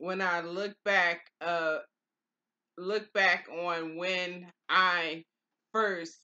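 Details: Adult woman with aphasia after stroke, two years and four months into stroke recovery; early on she could not say the words she was trying to say. Aphasia after stroke.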